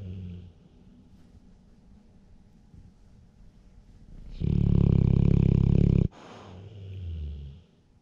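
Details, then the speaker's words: Blue-nose pit bull asleep with eyes open, recorded on a GoPro Hero 7: quiet breathing, then one loud, rough, rattling snore of about two seconds, then softer breaths; habitually loud dog snoring. "Shouldn't be snoring with the eyes open, man. Tank, you snore really loud."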